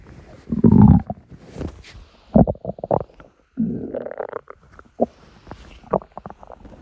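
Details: Morning stomach rumbling (borborygmi): loud gurgling rumbles and bubbly squeaks from the belly in bursts, from gas and fluid moving through the gut.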